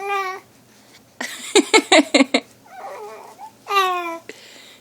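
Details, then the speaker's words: Infant in a bathrobe, kicking his feet and not happy about it, whimpers between a run of short, abrupt, jerky hiccups in quick succession: infant hiccups with fussing. "he's got the hiccup poor guy he's not very happy about it either"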